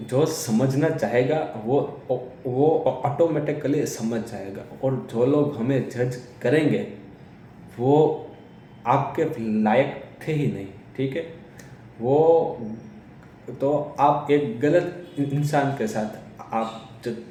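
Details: Adult man who stammers, speaking Hindi; stuttering.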